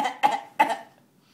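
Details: Adult coughing on command: three short, deliberate cough bursts made on purpose, not from illness; a voluntary cough.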